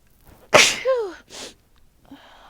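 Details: A single forceful sneeze with a sharp burst, a falling voiced tail and a short breath afterwards, from a person who says they are sick with a cold.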